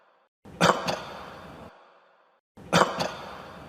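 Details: Cough: two short, harsh cough bursts separated by a brief pause.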